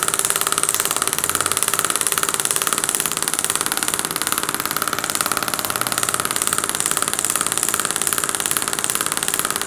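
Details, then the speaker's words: Radial shockwave (Storz MP100) on muscles beside the posteromedial tibia, not on the bone, aiming for 1000 impulses, in a 23-year-old female runner with 4-month shin pain: rapid regular mechanical tapping, about two per second. "so let's start with radial shockwave which we're going to look into so i won't be going on the bone but mainly working on the sides here of aiming for at least 1000"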